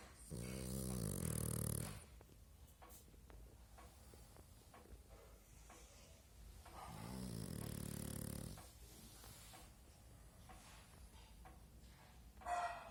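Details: Pug snoring while asleep: two long, rough, low snores about six seconds apart, with quiet breathing between them.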